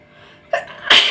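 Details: Person in a sneezing challenge: a brief in-breath, then one sharp, explosive sneeze.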